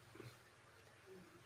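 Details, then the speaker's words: A tired female puppy, newly joined the family, sleeps while a person talks. Her faint, low rumbling snore comes as a couple of soft grunting breaths: snoring. "if you hear the dog snoring that's the dog i can't i can't stop her she's tired"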